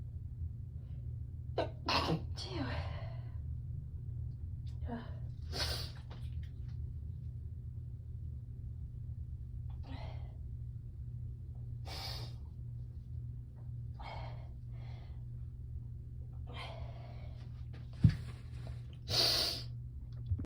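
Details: Series of sharp sneezes spread over twenty seconds against a low room hum, sneezing while chilly after a shower, getting dressed and opening the door.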